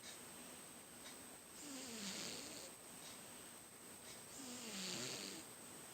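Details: Cat snoring very loudly during sleep, mistaken at first for a neighbour: two faint, whistling, snore-like breaths with a light rattle over a hissy background.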